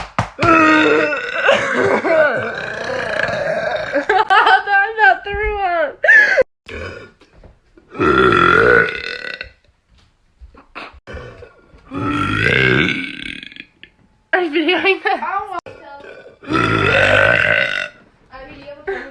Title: TikTok Burp Compilation #2